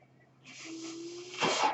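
A soft rising hiss of airflow with a steady low hum, then a louder rush of air: a mechanical ventilator delivering a breath.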